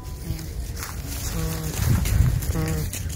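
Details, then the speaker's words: Short, low, voiced grunts from a heavily pregnant Boer goat doe as she gets up, with rustling and outdoor noise; teeth grinding and yawning also noted as close signs of kidding. "you grunting you're so big poor thing y okay are you in pain little teeth grinding I hear can y'all hear and the yawning that's one of the close signs"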